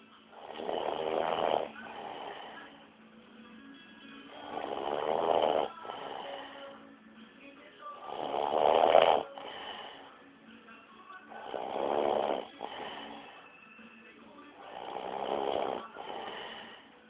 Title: roncando